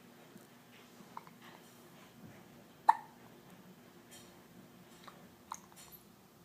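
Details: A young child has hiccups: one sharp, sudden hiccup with a couple of fainter catches in a quiet room.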